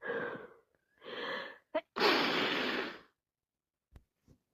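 Quick gasping breaths in, then a forceful sneeze and a few soft sniffs; a sneezing fit during a head cold.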